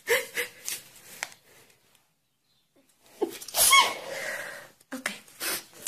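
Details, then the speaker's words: Young woman sneezing, which she links to the cold weather: a sharp, noisy single sneeze in a quiet room with faint breaths around it. "Y vamos a desayunar un té chai porque está haciendo un poquito de frío. Por eso estoy estornude. Y estornude."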